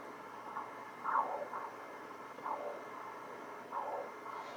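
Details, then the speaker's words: Pulsed-wave Doppler on an Apogee 2300 ultrasound scanning a dog, with blood flowing towards the probe: rhythmic whooshing pulses over faint hiss, the pulsatile blood-flow signal. "If the sound is upsetting your patient, press and hold the FN button, bottom left, and then there's a minus symbol on the J key."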